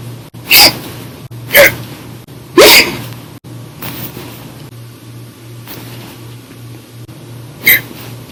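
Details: Violent, fairly loud, otherwise silent hiccups recorded audio-only in early June 2019 after drinking soda after dinner, lasting hours: abrupt sharp gulping bursts, four loud in about eight seconds with fainter catches between; hiccups.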